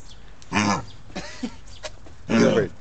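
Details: Dog coughing: two loud, harsh, honking coughs with a fainter cough between them, a repeated cough.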